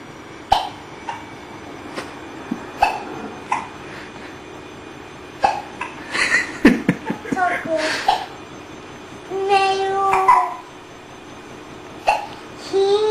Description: My 2 kids with hiccups at the same time!